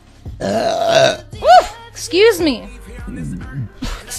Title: Blonde Streamer Mom Relieving Gassy Burps (Compilation)